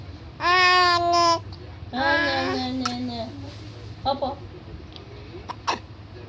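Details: Infant boy coos and babbles, then a few short, abrupt hiccup sounds in a quiet room: hiccups.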